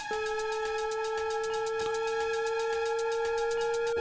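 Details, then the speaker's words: Defibtech Lifeline DDU-100 automatic external defibrillator demo: after "shock advised, charging, stand clear" prompts, a sustained high electronic tone with rapid regular pulsing as the AED charges and signals shock-ready. "iPads analyzing heart rhythm do not touch the patient shock advised charging stand clear"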